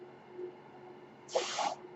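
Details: Speaker's own mechanical ventilator heard while he talks on a podcast: a quiet steady hum broken by one short rushing hiss of air with a faint whistle, a delivered ventilator breath.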